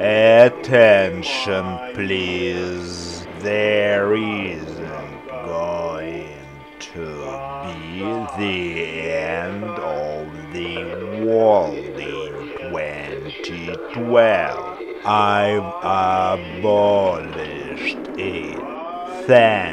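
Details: Person who stutters making a public announcement on a train as an exposure exercise against fear of speaking, using the prolonged speech technique. Finding: stuttering managed with prolonged speech (fluency shaping).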